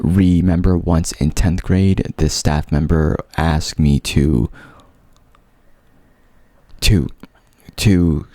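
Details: Adult man who stutters, onset in 5th grade, mild and covert, worst in 11th grade, reporting unusual fluency in this recording; stuttering.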